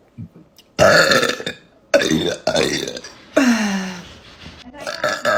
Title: Just a whole bunch of burping #burping #comedy